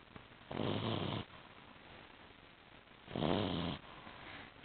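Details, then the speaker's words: An 8-week-old female puppy asleep, with two soft, rattly snores a couple of seconds apart: snoring. "only 8 weeks and already she's snoring. Imagine having this on your bed while you're trying to sleep."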